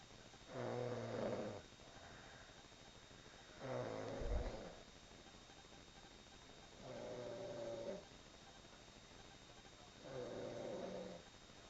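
Four slow, rough, rumbling snores with quiet gaps between them, about 19 a minute in a quiet room: ordinary snoring during sleep.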